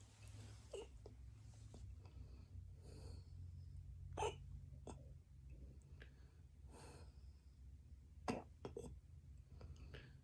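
Quiet, brief, sharp catches of breath recur every second or so over low room rumble, fitting hiccups.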